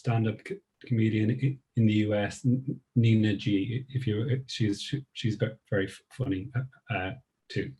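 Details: Woman who describes herself as a person who stammers; part-word and whole-word repetitions heard; stuttering (stammering).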